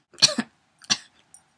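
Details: Two short, sharp, dry coughs close to throat-clearing, from someone who says they are getting sick and running on three hours of sleep.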